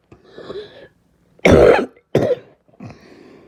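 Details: Two harsh, hoarse cough bursts between breathy sounds; barking cough.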